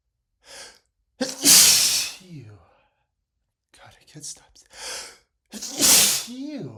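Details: Man's repeated sneezing: gasping inhalations, then two explosive sneezes with snorting and sighing between; persistent sneezing after using a lot of black pepper while cooking.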